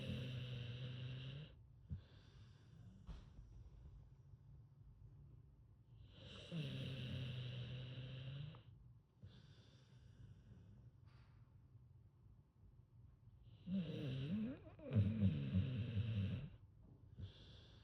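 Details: Low, rattling snores on each breath in, with quiet pauses between them, from a sleeping American Bully (pit bull type) dog: snoring.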